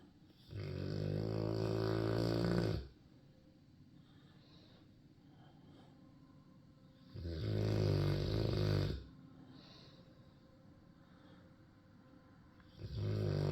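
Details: Dog named Turner snoring again: three long, loud, low rumbling snores, each about two seconds, separated by quiet pauses, ordinary snoring.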